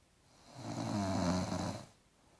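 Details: One loud, drawn-out rumbling snore lasting over a second, rising and fading, from a sleeping daughter who denies snoring; very loud snoring during sleep.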